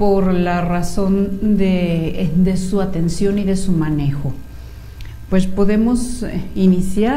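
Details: Male patient treated at a clinic since childhood for cleft lip and palate reads a text aloud after repair; normal oral resonance with no nasal voice at all.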